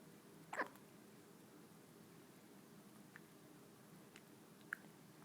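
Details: Newborn baby on his first day gives one sharp, abrupt hiccup followed by a few fainter short clicks in a quiet room: hiccups.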